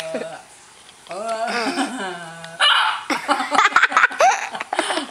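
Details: Voiced, squeaky, loud hiccups made by an adult with the mouth open while kissing a baby, mixed with laughter and background noise.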